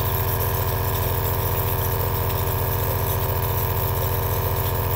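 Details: Steady mechanical hum with a fast rattling buzz from an aerosol nebulizer compressor running, recorded as relaxing ASMR.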